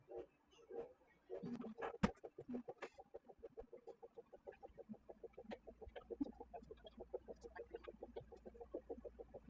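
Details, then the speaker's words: Doppler pulse signal from a probe gelled and bandaged onto the back leg of an anesthetized female patient (ketamine induction, isoflurane 2%), with her heart rate audible. "And now we are putting our Doppler gel onto the back leg. And then a bandage just to stabilize. And you can hear her heart rate through the Doppler."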